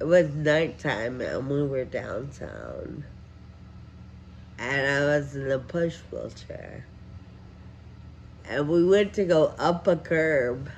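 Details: Adult woman with advanced progressive Friedreich ataxia; ataxic dysarthria.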